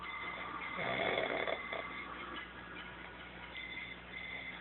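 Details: Loud, rattling snore on breathing in from a sleeping man, fading to a rough, noisy breath over a few seconds: snoring.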